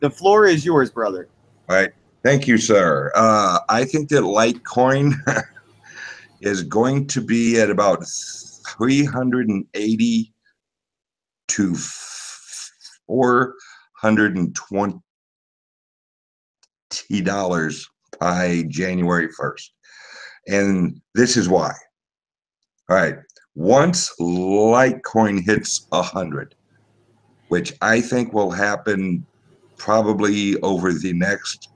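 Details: Speech impediment, type not named, self-reported by the man speaking.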